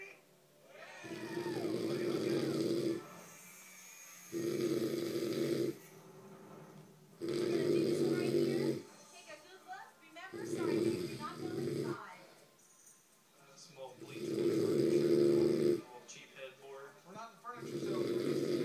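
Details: Man snoring: loud, rough, buzzing snores repeating every few seconds, roughly 19 a minute, separated by quieter breaths; heavy snoring.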